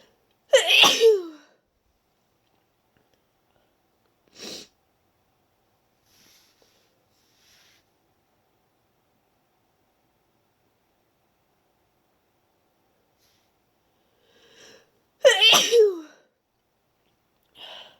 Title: Induced wet sneezes